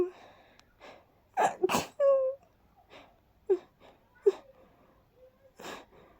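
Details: Airy, explosive sneezes after about 20 minutes of cleaning and dusting: a run of several, some with a short voiced catch, separated by quiet breaths.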